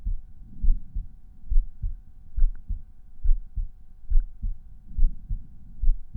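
Regular lub-dub heartbeat at about 69 beats a minute at the pulmonary area, with faint steady hum: normal heart sounds.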